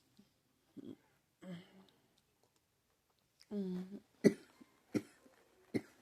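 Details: Soft groans and a voiced moan, then three sharp, separate coughs in a quiet small room from a person who says doctors diagnosed pneumonia and the cough hurts; cough in pneumonia.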